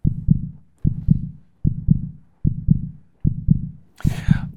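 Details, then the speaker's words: Teaching example of normal heart sounds: regular lub-dub at about 75 a minute, S1 from mitral and tricuspid valve closure, S2 from aortic and pulmonary valve closure. Normal heart sounds (S1 and S2). "Первый тон называется S1. Он возникает, когда у нас закрывается метральный и трикуспидальный клапан. И затем возникает тон S2 - это момент, когда закрывается аортальный клапан и лёгочный клапан."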